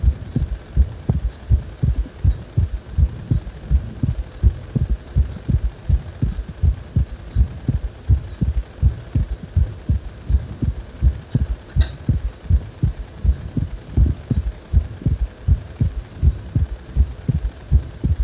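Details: Heartbeat described as feeling like the heart is wobbling: regular low thumps at about 81 beats a minute over a steady low hum.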